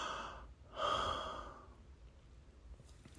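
Two airy, slightly hissing breaths through an open mouth, then quiet; breathing around a dental impression tray held in place.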